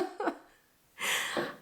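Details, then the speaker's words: Adult on antibiotics with a persistent cough, now coughing up blood: a brief voiced sound, then a single harsh, noisy cough burst in a quiet room. "I still have this happening and I have a cough and now I am coughing up blood nice"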